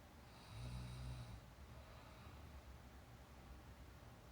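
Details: Girl napping with real snore sound: one low rattling snore on an in-breath, then quieter breathing against room noise; ordinary snoring in sleep.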